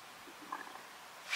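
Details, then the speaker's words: Brief, faint gurgling stomach rumble from a hungry adult woman in the early afternoon: ordinary hunger growling. "Did you guys hear that? My stomach is growling."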